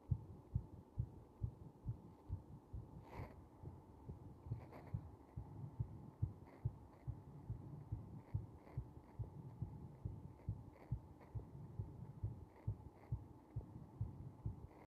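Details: Slow heartbeat heard with pressure against the chest: steady low heart thumps at a rather slow rhythm, with a faint hum behind.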